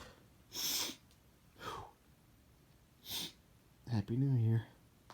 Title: New year new sneezes! (Variety) (Male)